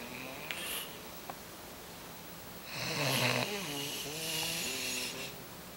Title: Kuba snoring